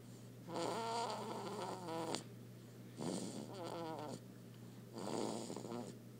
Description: Our baby snoring up a storm!